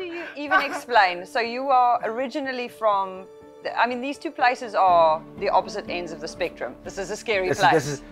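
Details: Adult woman speaking; normal speech.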